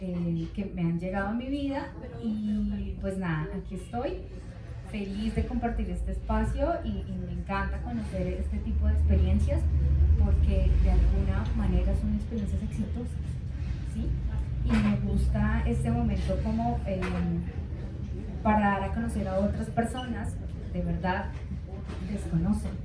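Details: Adult woman speaking Spanish; normal speech.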